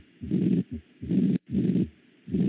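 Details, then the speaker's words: Systolic regurgitant murmur at the mitral focus, in a patient with 5 days of fever; diagnosed as acute endocarditis linked to a septic skin process; mitral regurgitation murmur. "Es un soplo sistólico de regurgitación. Hagan de cuenta que este es el foco mitral, un poco más abajo, y esto con la fiebre de 5 días es una endocarditis aguda, vinculado al proceso séptico cutáneo."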